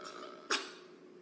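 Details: A Blackpink member sneezes: a single sharp, hissing burst after a soft background voice, followed by "bless you".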